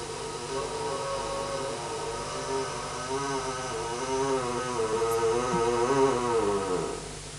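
A long, droning, wavering moan on a single out-breath builds and then fades over about seven seconds: catathrenia, sleep groaning often mistaken for snoring.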